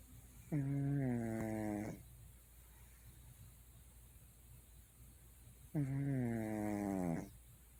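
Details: Cat snoring, unedited and unenhanced: two rattling, humming snores, each over a second long and about five seconds apart, with quiet room noise between.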